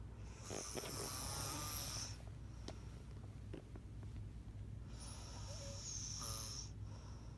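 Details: Loud, rough, fluttering snoring breaths a few seconds apart over steady low room hum, from a sleeping adult recorded by a former partner.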